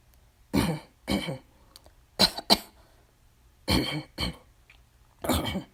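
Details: Woman coughing: seven harsh, dry-sounding coughs, mostly in pairs over about six seconds, with quiet pauses between bursts; a plain recurring cough.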